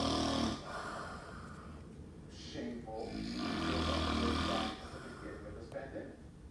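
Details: Very loud snoring: harsh, rough, rattling breaths in and out, with some background noise.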